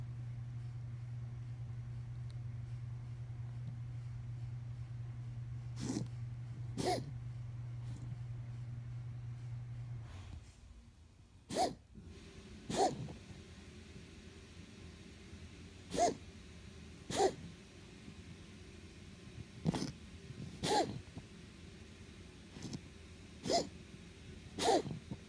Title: wheezing